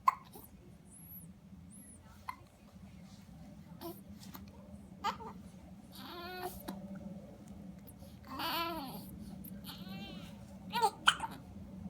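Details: Two people in a hiccup battle: scattered short, sharp voiced catches and squeaks between soft vocal sounds in a quiet room.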